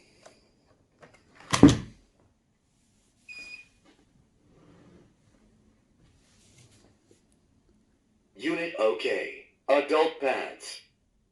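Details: A switch click and a single beep, then a recorded voice prompt as a brand-new Mediana A15 AED with full battery starts up and announces adult pads; quiet room demonstration.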